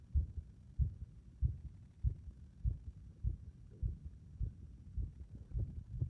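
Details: Low heart thumps at about 97 a minute with uneven spacing between beats: the heart becomes unstable and irregular under compression.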